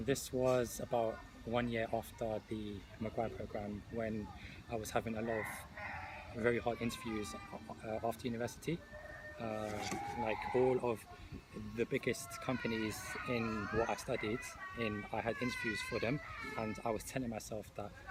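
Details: Adult podcast guest who stutters, speaking in a panel of people who stutter; stuttering.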